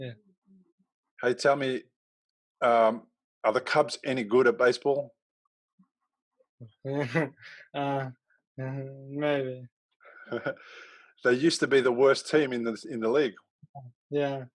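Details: Aphasia in a young male about 3 years after a stroke from a ruptured arteriovenous malformation at age 15 that caused a coma; a problem getting words out rather than understanding.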